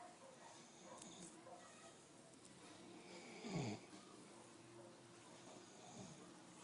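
Low, rumbling breath noise during sleep with one louder snore midway, against steady room noise; snoring.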